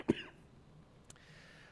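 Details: Adult preacher who has been sick, voice lost earlier that day: a single short cough in a quiet room during a sermon.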